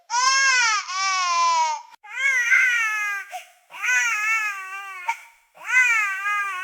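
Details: Sound-effect recording of an infant crying in a crib: four long, high-pitched wailing cries, each separated by a brief catch of breath, typical of ordinary infant crying.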